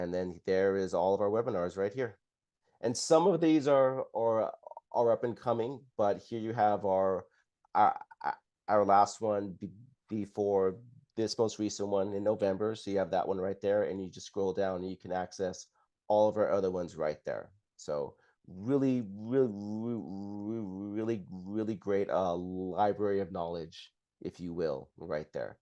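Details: Adult man who stutters and describes his own stuttering as blocks and repetitions; real speech in a live webinar with repeated words and phrases, showing stuttering.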